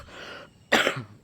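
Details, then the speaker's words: An adult with a cough lasting two weeks gives a single harsh cough burst following a soft breathy exhale. "Assalamualaikum, Guys. Batuk belum berhenti-berhenti."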